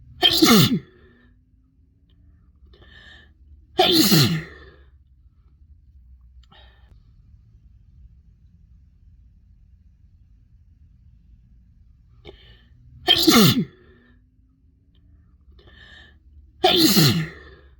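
Four loud sneezes, each a short inward gasp and then a forceful burst out, in two pairs with quiet between; ordinary sneezing.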